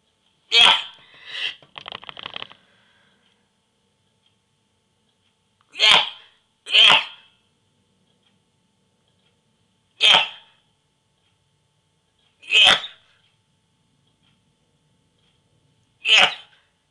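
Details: Hiccups recorded during a self-filmed sneezing session using a sneeze inducer: six abrupt, sharp bursts with quiet gaps of about two to four seconds in a silent room.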